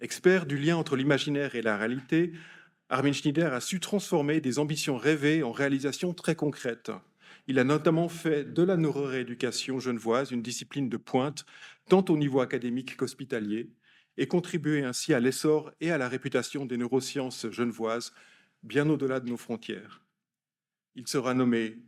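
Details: Adult male speaker; normal speech.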